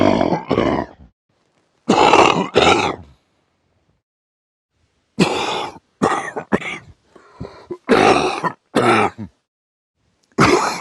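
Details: Adult man coughing during sleep: groups of deep, harsh coughs with a grunting quality, separated by quiet pauses.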